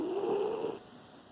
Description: Penny sleeping and snoring.